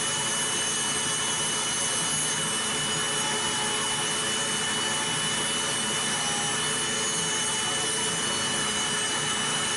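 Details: Continuous grinding whine of a rotary podiatric nail drill reducing routine, not thick, toenails during preventive foot care, with a faint steady tone underneath.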